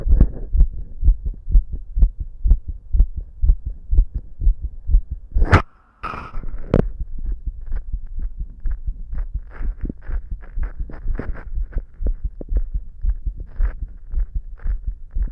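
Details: Person's own habitually fast, visible heartbeat auscultated with a stethoscope at different chest spots: rapid, regular sounds at about 125 beats a minute, brief scraping noises midway.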